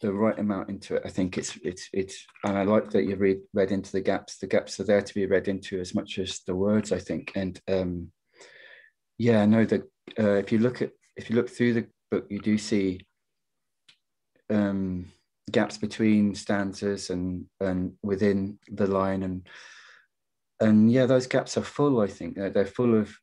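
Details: Adult man who stammers, real, in a stammering-association webinar; he attributes his stuttering partly to caring too much about what he was going to say: stammering.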